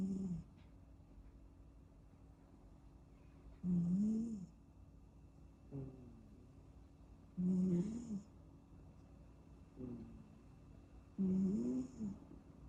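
Soft, regular snores with a slight squeaky tone, about 16 breaths a minute, in a quiet room; normal kitten snoring during sleep.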